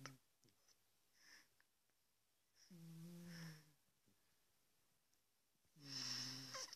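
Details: Big cat snoring, recorded on a smartphone: soft, faintly whistling snores, two clear breaths with quiet gaps, in a quiet room.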